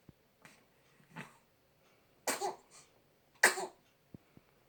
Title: Kara Batting at Toys (bonus sneeze action!!)